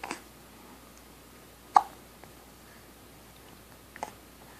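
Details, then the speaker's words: A baby boy with hiccups while being talked to: soft, sharp hiccups spaced a couple of seconds apart in a quiet room. "yeah it's hard to talk when you got those hicups oh oh my goodness oh my goodness uhhuh you can tell me you can't tell me Tell those hiccups to go away go away hiccups"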